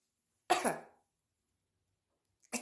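One loud, explosive burst of air that fades quickly, then the start of another: sneezing.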